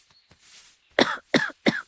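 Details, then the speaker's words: Acted scene: a woman with a persistent cough and sore throat not relieved by many medicines gives a few quiet breathy sounds, then three sharp, forceful coughs in quick succession. "क्या बताऊं सासू मां? बहुत दवाइयां खा ली मगर खांसी है कि जाती नहीं। खांस खांस के बुरा हाल है और गला भी दर्द कर रहा है।"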